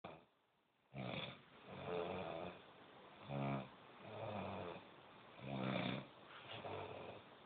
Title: UK Snoring champion